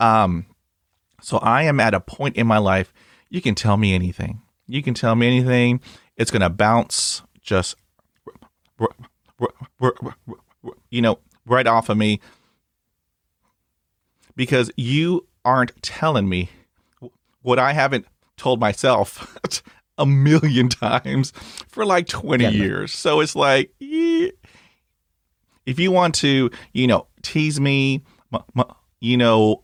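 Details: Adult man speaking; conversational speech.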